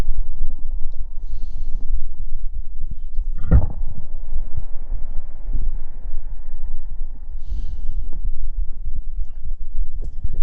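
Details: Close-up 3D binaural recording of stomach sounds after gulping soda: continuous low gurgling and rumbling with irregular soft pops and a louder gulping burst, ordinary borborygmi.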